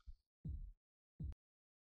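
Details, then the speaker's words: Blood pressure teaching audio for allied health students, stethoscope heard during slow cuff deflation on an aneroid sphygmomanometer: thumping Korotkoff sounds, the first marking systolic and the last diastolic pressure. "When you arrive at the point of the procedure when you slowly deflate the cuff to hear the sounds, you will notice the needle move in a counterclockwise direction. It is at this point that you need to listen very closely for the thumping sounds."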